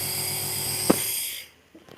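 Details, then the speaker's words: Compressor nebulizer switched on during a demonstration of how to nebulize children: a steady buzzing hum with a high hiss as fine mist comes out, then a click and the motor winds down to quiet. "तो अब ये हमने connect कर दिया है और इसको on कर दें। ऑन करने से देखिए इसमें आपको भाप दिखाई दे रही होगी, इसी को मिस्ट कहते हैं।"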